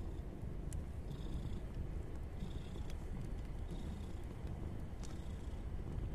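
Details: Mother cat that just gave birth to five kittens, nursing them and kneading: steady low rumbling purr, a contented sound described as snoring; purring.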